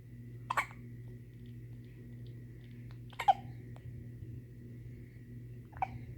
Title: Sweet little hiccups